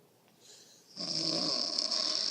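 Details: A light snore: a hissy, high-pitched breathing noise that starts after a quiet moment and holds steady during sleep.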